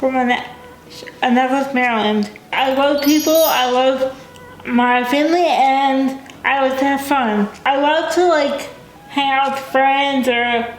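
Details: Dysarthria in a young adult woman with cerebral palsy, a brain injury before birth. She uses a wheelchair, has limited fine motor skills, and says she is sometimes hard to understand.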